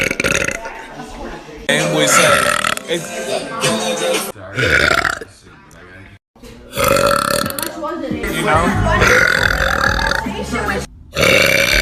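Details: Several loud, drawn-out belches in a row from a girl, with music playing in the background; burping.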